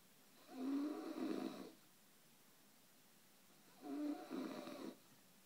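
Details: Adult woman (wife) snoring, snorting like a hog: two long, rough, rattling breath sounds about three seconds apart, separated by quiet pauses.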